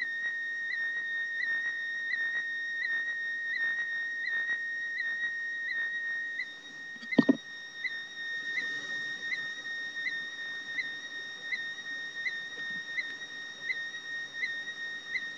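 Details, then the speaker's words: Patient wearing cardiac event monitor, sitting very still while recording own heart rhythm: steady high warbling tone with regular pitch blips transmitting the ECG as sound; brief click midway. "so what you want to do is hit the record button and what you're hearing is my heart"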